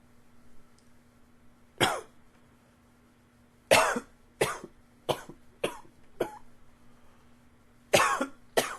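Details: Eight sharp, dry-sounding cough bursts in about nine seconds, some close together in short runs, over a faint steady room hum; repeated coughing.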